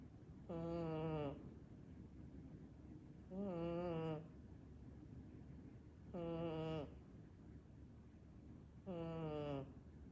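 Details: A sleeping cat snoring loudly while resting comfortably: cat snoring.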